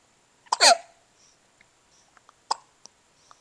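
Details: Boy with hiccups, just being woken up: two sharp hiccups with soft breath sounds between them; hiccups.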